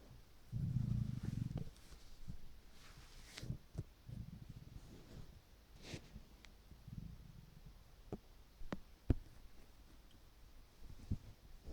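Low gurgling rumbles with scattered clicks and bubbling over several seconds: hungry stomach growling after drinking water, a normal finding.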